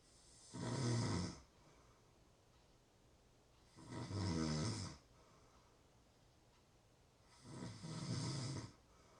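Three rattling, buzzy snores on inhalation, about 17 breaths a minute, with quiet pauses between them.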